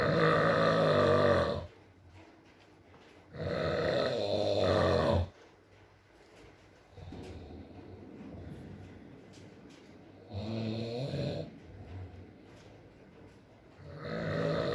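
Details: Male snoring in an ASMR sleep recording: four irregular, throaty snores with a groaning tone against steady rain noise.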